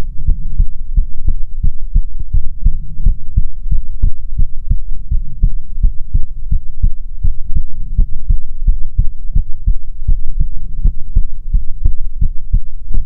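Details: ASMR heartbeat recording: steady, soft, close and muffled heartbeat thumping at about 85 beats a minute with no other sounds; a normal heartbeat.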